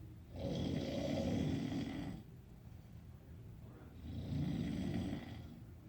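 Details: Snoring during sleep: two long, low, rumbling snores about four seconds apart, with quieter breathing between them.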